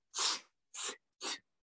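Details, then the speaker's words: Vocal imitation of a leaky-valve heart murmur: three breathy whooshing hisses, one with each heartbeat, illustrating blood leaking back through a valve that closes too far, as in mitral valve prolapse. "well if the valve is leaking so the reason the whooshing noise is is the valve closes but closes too far and it leaks out so every time the heart beats it goes"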